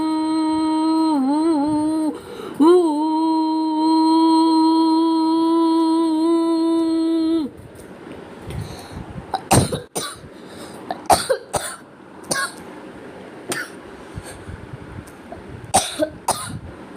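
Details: Acted coughing in a comedy clip about an ice cream offer: a long sustained sung or hummed note, then about seven short, sharp cough bursts in a quiet room.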